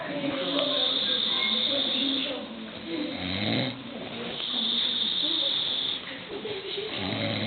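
Continuous raspy, rattling snoring with hissing breath noise, about two long breath cycles over several seconds.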